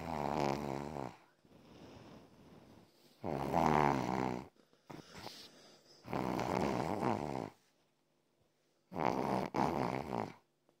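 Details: Sleeping dog snoring really loud: four long, buzzing, vibrating snores roughly every three seconds with quiet pauses between; snoring.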